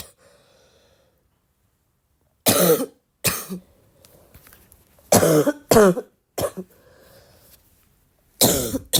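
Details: Ongoing cough during an illness: about six loud, harsh, somewhat wet coughs in short groups with quiet pauses between them.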